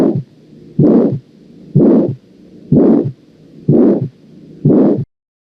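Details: Aortic valve stenosis murmur on auscultation: a regular, loud, harsh, rushing systolic murmur with each heartbeat, about 62 beats per minute.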